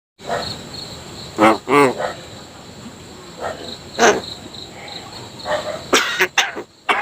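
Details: Myna bird (jalak kebo) making cough-like sounds, which the owner attributes to staying up late too often: short, harsh, raspy bursts, possibly mimicked human coughing.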